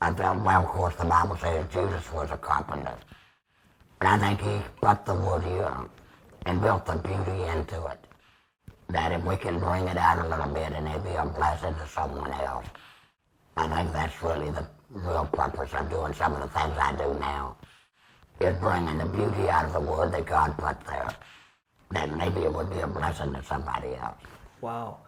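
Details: 75-year-old man using tracheoesophageal speech about two years after laryngectomy (tracheostomy, then radiation), with a Provox Vega voice prosthesis, extra HME cassette and Stabila base adhesive.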